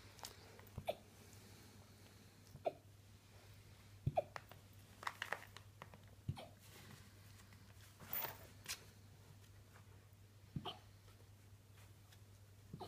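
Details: Malamute puppy's first hiccup episode: brief sharp hiccups at irregular intervals, about six over thirteen seconds, in a quiet room with a steady low hum.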